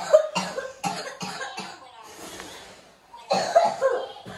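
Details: A child with a nasty cough: a run of about five harsh coughs, a brief pause, then another coughing burst; recorded on an iPhone 11 Pro.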